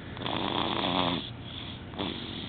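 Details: Snoring in a quiet room: two drawn-out, rattling snores on breathing in, one long and one shorter.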